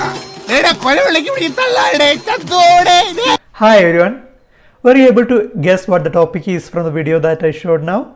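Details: Adult speaker, after a short film excerpt; normal speech.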